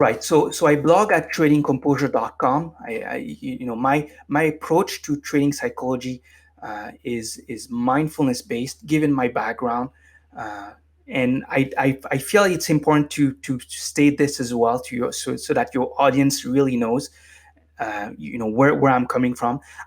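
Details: Adult man with stuttering, formerly severe, now managed with meditation so it is barely audible; stuttering.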